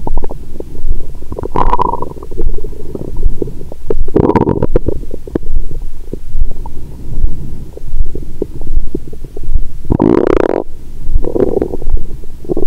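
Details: Loud, steady rumbling and gurgling through a stethoscope on the abdomen with a thumping heartbeat about 77 a minute, raised after wine, in an adult after a 22-hour fast then heavy Christmas dinner, belly bloated; active bowel sounds.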